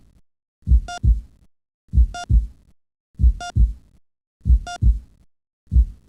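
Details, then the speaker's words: Simulated normal heartbeat from educational CD-ROM software explaining valve closure causing the second "dub" sound: steady lub-dub at about 48 beats a minute with a monitor beep at each beat. "To prevent any blood from returning to the heart, another pair of valves close at the exit of the heart. This closure makes the second dollar dub sound."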